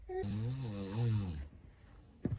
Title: When the father’s snoring troubles the baby #funny #foryou #dad #child